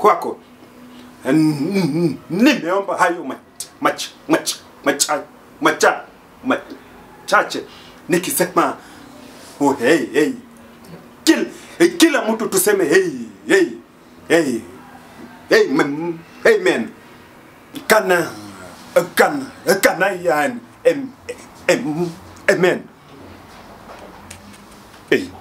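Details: Comedy skit of a man who stammers leading a prayer before a meal, with part-word and word repetitions; stuttering.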